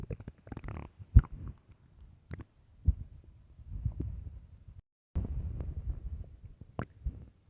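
Low irregular gurgles, pops and rumbles, fairly quiet: stomach growling from hunger.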